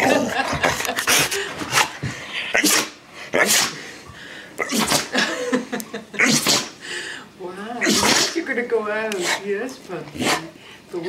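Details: Rescue dog sneezing excitedly in anticipation of a walk outside: rapid bursts of sharp sneezes in quick succession with a person talking over them: repeated sneezing.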